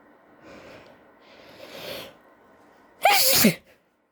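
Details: Woman with itchy nose from suspected allergies, deliberately coaxing a sneeze: two soft build-up breaths, then a single sharp, loud sneeze in a quiet room; sneeze.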